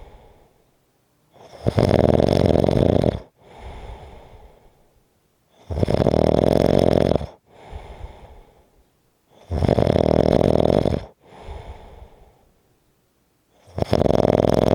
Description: This is a 4 1/2 minute clip of snoring.